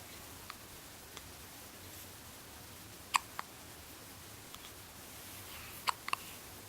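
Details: Hiccups: soft, brief clicking catches at irregular intervals over a quiet room hiss.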